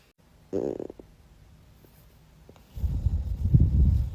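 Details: A woman's stomach growling: gurgling, bubbling stomach noise followed by a deep, rolling rumble; ordinary borborygmi.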